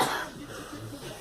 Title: Girl coughing